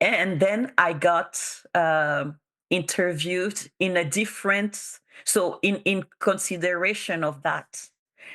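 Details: Real adult bilingual woman, a public servant in Canada, with stuttering she has self-declared as a disability; stuttering.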